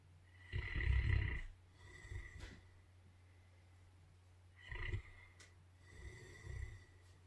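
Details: Animals in a morning snoring contest: short snorting breaths with a low rumble a few seconds apart over a steady hum: snoring from a sleeping animal.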